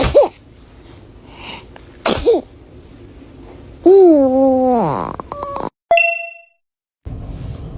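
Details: Newborn sneezing: two quick, high-pitched infant sneezes, then a brief voiced squeal, some clicks and a chime-like ding.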